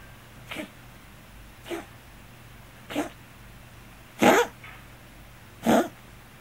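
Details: Scottish Fold cat with hypertrophic cardiomyopathy: occasional hiccup-like cough, sometimes louder, recently occurring frequently and worrying the owner.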